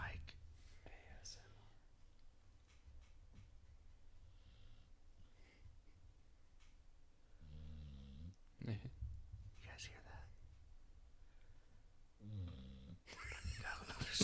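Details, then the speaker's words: Six-year-old female pit bull sleeping gives two low, rumbling snores in a quiet room; snoring. "Oh, my doggy went snoring. from whining because she wanted to get on the couch to snoring away, just making noise on the podcast."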